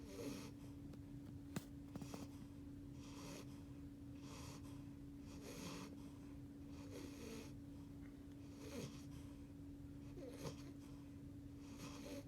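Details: Beagle puppy just over 8 weeks old, asleep during a nap: soft, airy snoring breaths about every 1.5 seconds with small snorts over a steady room hum.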